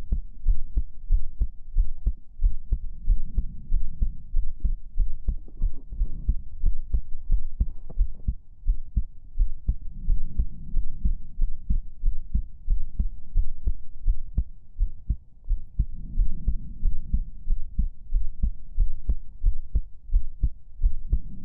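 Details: Simulated ASMR heartbeat for relaxing sleep: steady, muffled low thumps repeating at a relaxed pace over a soft low hum.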